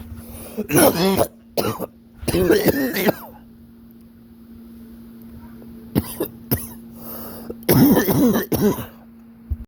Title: 4 blinkers in one breath (lots of coughing)